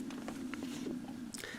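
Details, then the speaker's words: Adult who has not eaten yet: a low, wavering, gurgling growl runs steadily through the quiet room; hunger-related stomach rumbling (borborygmi). "if you did hear it a rumbling it's my stomach rumbling cuz I haven't eaten yet and it was not doing this"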